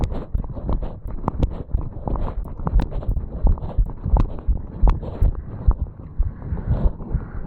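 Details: 35-year-old male, standing still after jogging up stairs, recorded at the mitral (bicuspid) valve area: quick, strong heartbeats at roughly 85–90 a minute with some handling rustle; a fast heartbeat after exercise.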